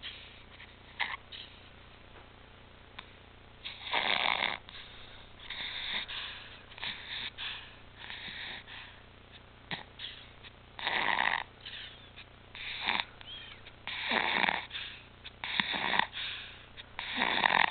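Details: Infant back on apnea and pulse-oximetry monitors after apnea, stridor and retractions returned: harsh, noisy breaths recurring irregularly, stridor from a narrowed upper airway.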